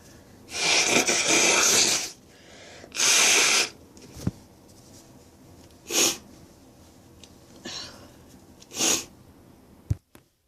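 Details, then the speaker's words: Adult's repeated sneezing after build-ups: four forceful, hissing sneeze bursts, the first two long and drawn out, with quiet pauses between them. "Oh, that was messy. Ew. Oh. Ew. Oh. Oh. Sneezy today."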